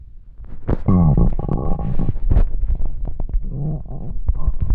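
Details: Extremely hungry stomach: loud, drawn-out gurgling and rumbling with bubbly pops; hunger stomach growling, borborygmi.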